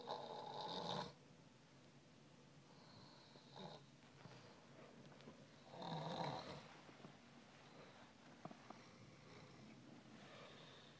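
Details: Person snoring: two short, rough snores about five seconds apart with soft breathing between, in a quiet room, at about eleven breaths a minute.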